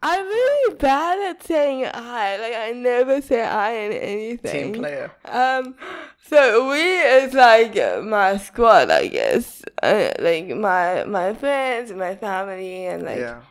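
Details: Dysarthria in a young woman with cerebral palsy diagnosed at 11 months old; she says her speech is not very clear.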